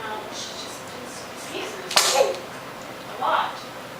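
A single sharp, explosive sneeze from a child, with faint voices and room noise around it.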